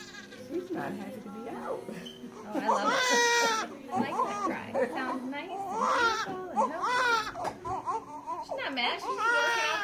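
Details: Newborn girl's strong, repeated wailing cries with clear, full voice, a vigorous normal cry just after birth, following labor past the due date at 40 weeks 3 days. Soft adult talk and music behind.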